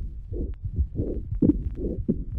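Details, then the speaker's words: Child with staphylococcal pneumonia: bronchial breathing with occasional expiratory grunting, soft crackles and coarse rales; harsh, rapid breath sounds with short grunting bursts on expiration. "El siguiente paciente presenta respiración bronquial con gruñidos expiratorios ocasionales, unos crepitantes suaves y estertores gruesos como resultado de una neumonía por estafilococos."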